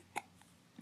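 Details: Baby girl babbling while being talked to, with infant hiccups: a single short, sharp hiccup followed by a soft vocal sound.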